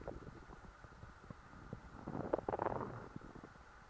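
Soft low gurgles building to a brief louder bubbling rumble over a hiss; ordinary stomach growling after a full meal.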